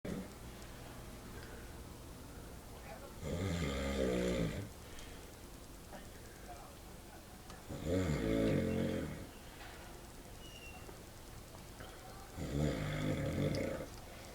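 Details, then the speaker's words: Adult man (a father) snoring very loudly during sleep: three loud, rattling snores about four seconds apart over quiet room noise. "Yeah, you were snoring so loud."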